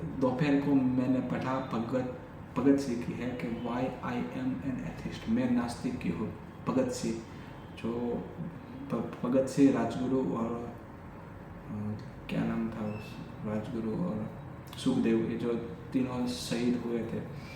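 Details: Adult male with stammering since childhood, says it is now reduced to about once in 10 sentences, speaking spontaneously in Hindi; stuttering.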